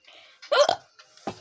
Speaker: i was about to play the laundry somewhere later but then i got hiccups so